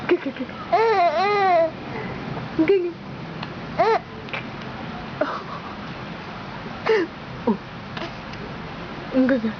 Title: giggle till hiccups.AVI